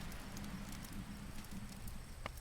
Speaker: Oh my god, I'm not sure whether you heard that, but that was my stomach growling.